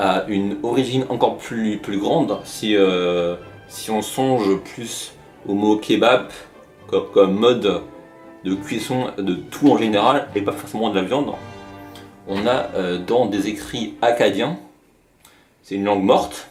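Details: Adult male speaker; stuttering.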